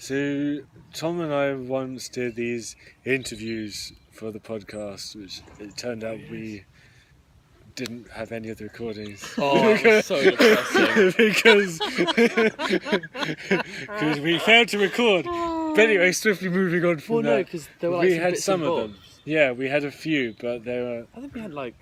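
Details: Adult who stammers: stuttering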